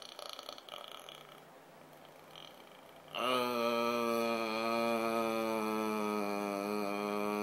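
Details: Nightly loud snoring: after a few seconds of quiet room noise, one loud, steady buzzing drone lasting about four seconds begins abruptly, a tonal snore.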